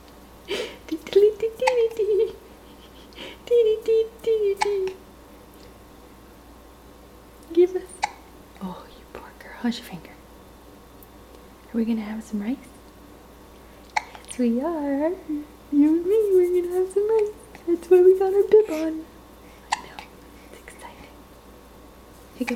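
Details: Infant propped on a counter with hiccups: short, abrupt hiccup catches with small voiced squeaks while an adult whispers softly nearby.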